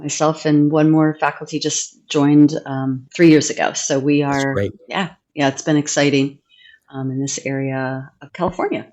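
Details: Adult woman; Typical fluent speech.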